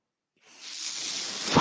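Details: Speaker's own mechanical ventilator breath, heard in the background while he talks on a podcast.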